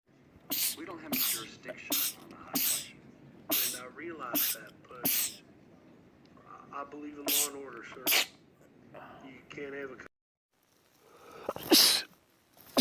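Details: Male rapid sneezing attack from a sneezing compilation: about a dozen sharp, explosive sneezes in quick runs, some with a voiced lead-in; repeated sneezing fits.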